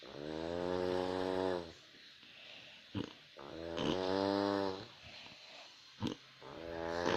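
Steady, buzzing snores on the in-breath, about every three seconds, with quiet pauses and soft clicks between: ordinary snoring.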